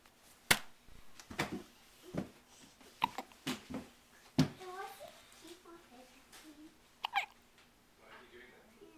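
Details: Hiccups in a 7-day-old newborn: several sharp, brief catches at irregular intervals with soft infant vocal sounds between them, in a quiet room.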